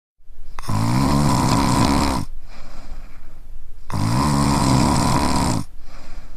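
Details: Adult male snoring, recorded as a field recording on a TASCAM DR-1: repeated snores during sleep.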